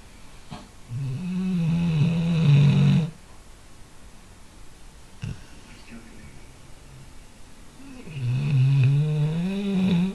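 Two long, loud rumbling snores on the breath in, separated by a quiet pause; ordinary snoring from a sleeping dog.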